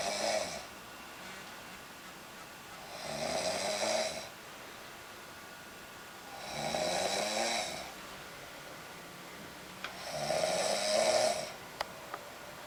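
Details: Adult woman deeply asleep and relaxed in bed, snoring gently and rhythmically: three to four rough breathing noises, each about a second with quiet gaps between, roughly 17 a minute.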